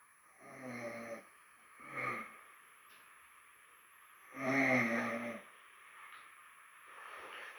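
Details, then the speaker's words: Adult with a cold snoring at about 2:45 in the morning: three loud, rough, rattling inspiratory snores with quiet pauses between; congested-sounding snoring. "Ça se voit que j'ai un rhume, hein. En tant que je ronfle. 2h45. Putain, je ronfle fort."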